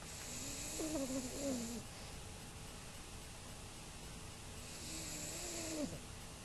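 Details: A 5-month-old pug snoring: two rising and falling, whistly nasal snoring breaths with quiet hissing between them.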